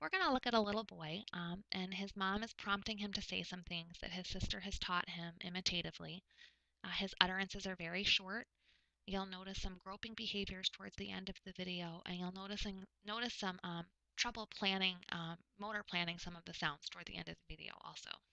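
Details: Adult woman narrating; typical speech.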